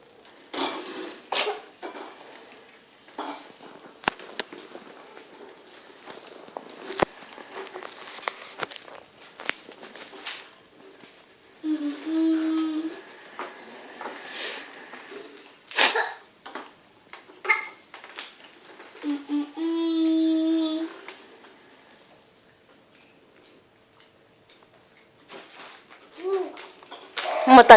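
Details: A dog gives repeated short, harsh coughing bursts with two longer honking, tonal sounds in a small room; cough.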